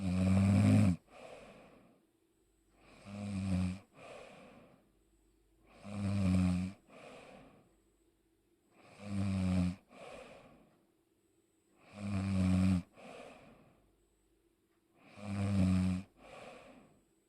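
Loud rattling snores with each breath, about 19 breaths a minute, each followed by a softer breathy outflow.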